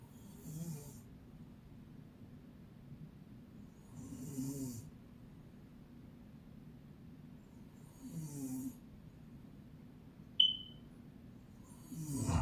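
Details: Regular low, rattling snores about every four seconds, roughly 15 breaths a minute, in a quiet room, from an adult woman (a mother): snoring.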